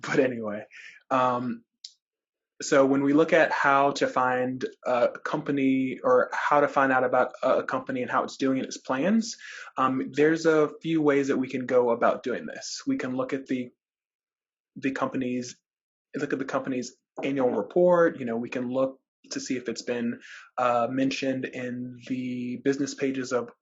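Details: Adult man who describes himself as a person who stutters, speaking in a webinar with repetitions and filler interjections; stuttering.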